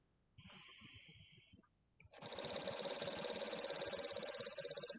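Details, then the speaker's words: Elderly patient born 1931 using an oscillating positive expiratory pressure airway clearance device, resistance adjusted to the middle setting: short breath, then long steady exhalation with rapid buzzing flutter, good vibrations without struggling. "that seems a lot better really good vibrations don't look like you're struggling too much"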